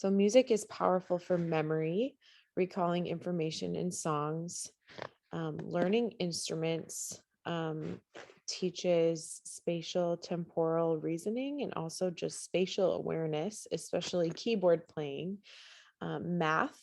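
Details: Adult woman speaking; normal speech.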